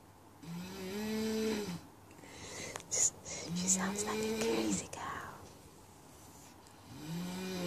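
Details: 36-year-old woman, 75 kg, asleep at 2 a.m., recorded from about 2 metres away: loud, rough, drawn-out snores with a groaning, moo-like voiced quality, about two heard, in a quiet room; heavy snoring.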